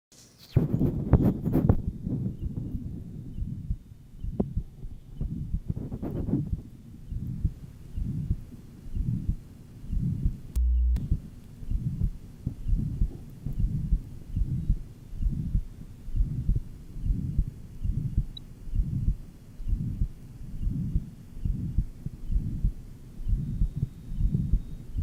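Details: Johns Hopkins heart sound laboratory recording from 1955, taken at the aortic and pulmonic areas, third left interspace, lower left sternal border and apex. Pure pulmonary stenosis with a diastolic "whisp" at the third left sternal border.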